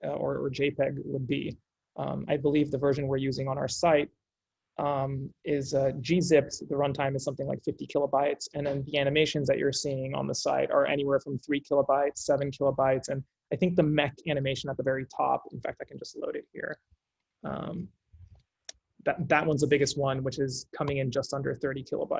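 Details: Adult male speaker; normal speech.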